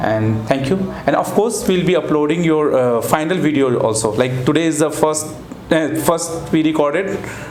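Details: Adult man speaking; normal speech.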